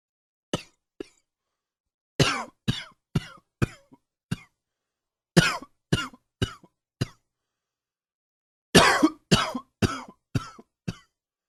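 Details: Allergy-related morning cough: repeated bouts of harsh, fairly loose coughing in clusters of three to six, about eighteen coughs in eleven seconds.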